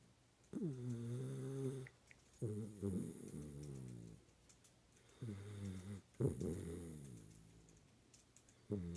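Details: Sleeping schnauzer snoring loudly: repeated low, buzzing snores with short pauses between them, about four in nine seconds.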